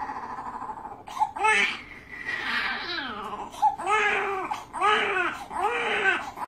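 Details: Newborn crying during circumcision: repeated short, strained wails roughly every two to three seconds; infant pain cry.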